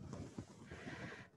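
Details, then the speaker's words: Dense, continuous crackling roar on needle EMG during maximal muscle contraction, recorded in a quantitative EMG demonstration: a full interference pattern judged absolutely normal. "we analyze interference pattern with maximal contraction of the muscle [Music] and we estimate tone frequency usually it must be in the special frame it's a uh connected with normal values so we can say it's absolutely normal"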